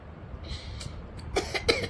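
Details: Child boy with a cough, cold and sore throat, in the evening after dinner: two short, sharp coughs after a quiet stretch.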